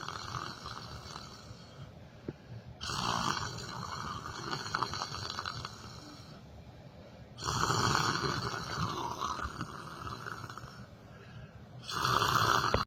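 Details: Person sleeping while sitting in a chair: three long, harsh, rattling breaths drawn in roughly every four to five seconds, with quieter breathing between; loud snoring.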